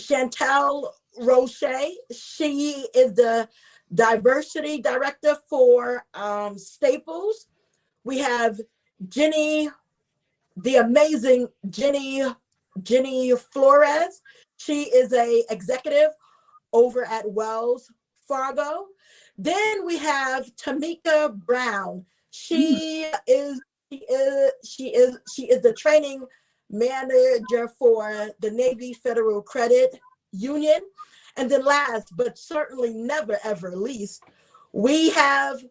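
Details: Adult woman, self-identified stutterer who reports getting stuck on words, also a traumatic brain injury survivor; word repetitions heard; stuttering.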